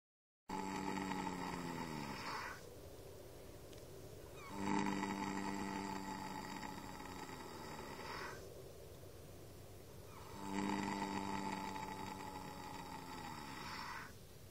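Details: Horse snoring during an afternoon nap: loud, drawn-out rasping snores with a tonal buzz, repeating about every six seconds, roughly ten a minute.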